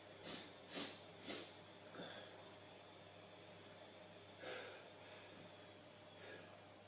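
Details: Adult male deliberately sneezing on camera, sneezing fetish video: three quick, sharp nasal sneezes in rapid succession, then softer snorts and sniffs, eyes watering afterwards; sneezing and snorting.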